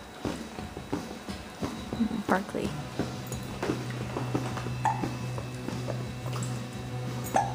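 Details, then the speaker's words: Baby with giggle hiccups: repeated short, abrupt hiccup sounds mixed with giggles, over music and adult talk in the background. "uh-oh what's are you choking oh you got the hiccups hiup hicup laugh"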